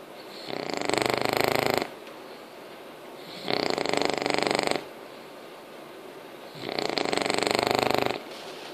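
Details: Five-month-old English Bulldog puppy: three loud, rattling snores about 3 seconds apart, each over a second, with quiet breaths between, roughly 20 breaths a minute. Snoring.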